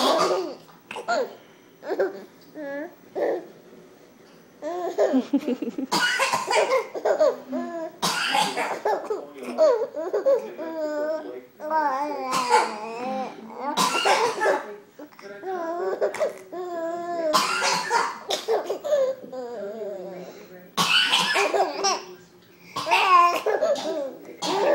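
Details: A young child gives repeated short coughs while his baby brother answers each with bright giggles and belly laughs. Cough.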